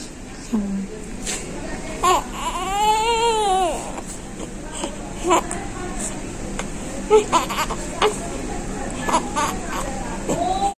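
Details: Newborn baby boy immediately after birth: crying in short wails and whimpers with adult voices and room noise nearby.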